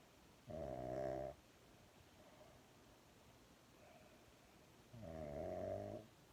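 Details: Sleeping Shih Tzu snoring: two loud, rattling inhaled snores about four seconds apart, with quiet breathing between.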